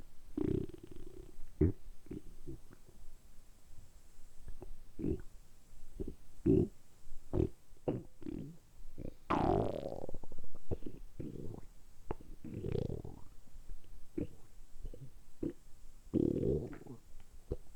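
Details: Deliberately produced stomach rumbling recorded close up for ASMR, sustained for about 10 minutes: repeated low gurgling rumbles from the abdomen; borborygmi.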